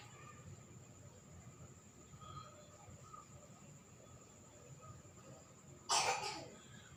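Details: Person complaining of dizziness and cough during an alternative massage treatment session: a single sharp cough after several seconds of quiet room noise, with a steady faint tone in the background.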